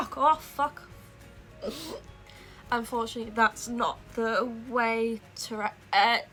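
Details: Young woman with Tourette syndrome that began at age 12, whose tics sometimes interrupt her speech while talking; vocal tics (Tourette syndrome).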